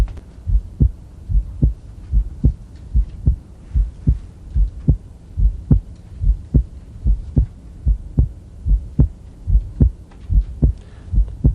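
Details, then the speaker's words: Physiologic splitting of the second heart sound in a male patient: regular heartbeat about 73 a minute, with S2 splitting on inspiration and becoming single on expiration. "the first sound around s2 that's important is normal splitting of the second heart sound"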